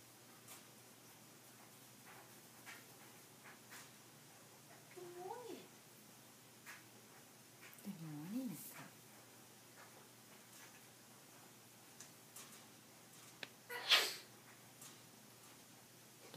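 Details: Cat meows softly twice, then gives one sharp, hissing sneeze in a quiet room; a single cat sneeze.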